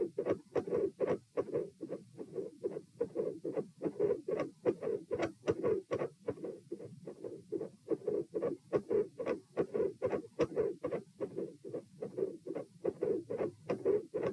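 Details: Heart auscultation at position P during a postural stress test (lie, sit, stand, lie; 72 bpm supine, 84 sitting, 108 standing, 72 supine): mid-systolic clicks with split S2.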